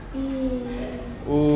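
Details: Hoarse, breathy voice (dysphonia) in a woman sustaining a vowel before voice therapy; onset about two weeks after thyroid lump removal surgery.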